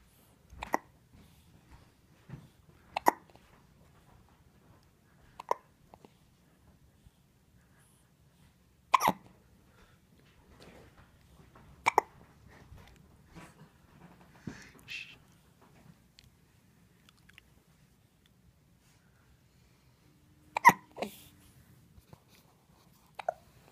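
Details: Sharp, brief hiccups from a dog, repeating every few seconds in a quiet room.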